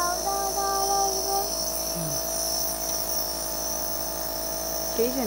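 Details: Toddler doing a nebulizer breathing treatment with a mask, used for coughing: steady mechanical hum and buzz of the nebulizer compressor running, with the child's voice faintly in the background.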